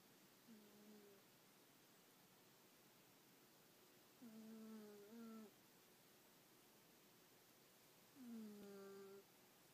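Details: Soft, tonal, humming snores from a sleeping female cat in a quiet room, three in about ten seconds, each rising then falling slightly in pitch.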